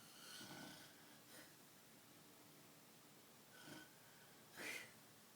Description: Mom snoring.